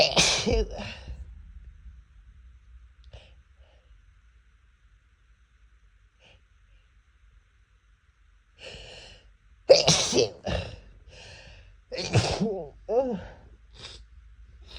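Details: Person allergic to cats sneezing uncontrollably near a cat: a string of forceful sneezes, one followed by a long pause, then several more in rapid succession; repeated allergic sneezing.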